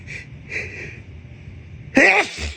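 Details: Desperate, hitchy sneeze: stuttering in-breaths and gasping sounds build up over about two seconds, then one forceful sneeze burst after the long hitching wind-up.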